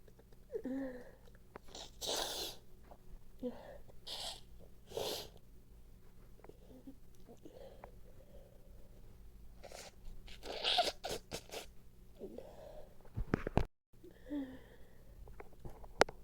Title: nose blowing, itching and congestion sneezes #sneeze #sneezing